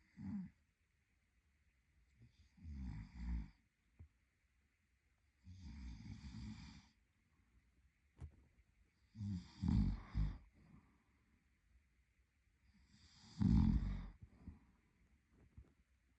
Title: Snoring Boyfriend | My favorite Whitenoise